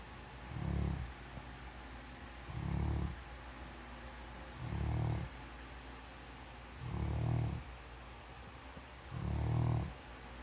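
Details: Deep, low, rumbling snores from a dog, repeating steadily about 29 times a minute with quiet breathing between; regular snoring in sleep.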